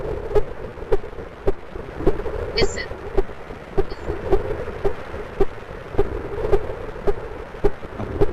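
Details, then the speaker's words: Smartphone mic taped over the left chest records fast, steady heart thumps about 107 a minute; a doctor judged the heartbeat somewhat abnormal, probably from high blood pressure. "so this when i recorded this i sent it to my doctor friend and he said that this heartbeat is somewhat looking abnormal that person is probably have some high blood pressure"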